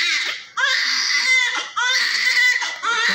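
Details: Newborn with vernix during cleaning with oil: loud, strong, high-pitched crying in long bursts with brief gasps between, typical of a vigorous newborn; soft room noise behind.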